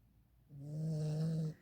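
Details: One steady, low, humming snore lasting about a second from a small sleeping dog; snoring.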